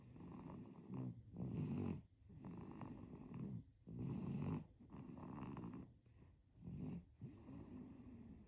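Soft, rattly snoring on each breath, about 23 breaths a minute, in a quiet room; infant snoring during sleep.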